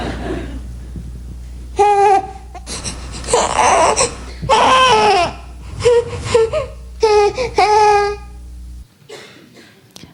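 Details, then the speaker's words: Short, breathy infant cries with an airy 'heh' onset, the breath pushed out by abdominal contraction: a discomfort cry, played by a paediatrician. "donc ce qui est caractéristique c'est le h en fait ça sort avec un avec un souffle donc ses leçons de l'inconfort"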